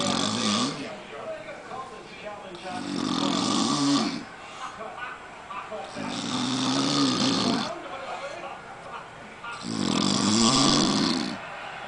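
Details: Man dozing in the middle of the day with a televised football game in the background: loud rattling snores on each breath, in cycles of roughly three seconds; snoring.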